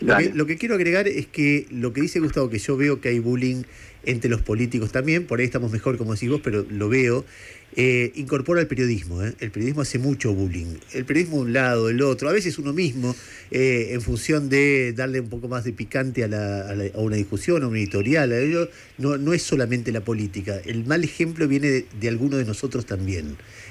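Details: Adult male speaker; normal speech.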